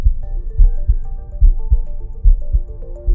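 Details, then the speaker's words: Digital stethoscope placed over the heart: regular low lub-dub heartbeats at about 72 a minute with music playing over them; normal heart sounds. "simply put the stemis cope over the heart you can hear the lub dub heart sounds"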